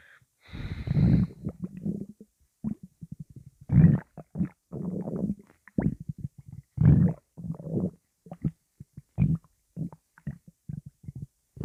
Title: Angry intense stomach rumbling